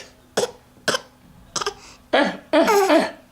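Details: Child imitating a cough: five short forced coughs, the last ones voiced and drawn out.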